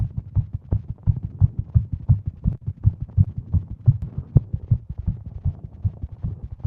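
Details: Woman with Wolff-Parkinson-White syndrome sitting at her desk, heart pounding all day, smartwatch reading over 150 bpm; rapid, low pounding heart thumps in close succession, tachycardia.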